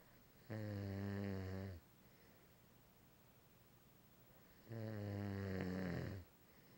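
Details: Man asleep, snoring: two long, loud, buzzing snores about four seconds apart with quiet breathing between; ordinary snoring.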